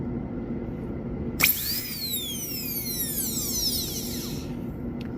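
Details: High-pitched dental high-speed handpiece spinning up then winding down over room hum, during a bench demonstration of a class II disto-occlusal amalgam preparation on a maxillary first premolar, cutting the occlusal surface first; dental school practice.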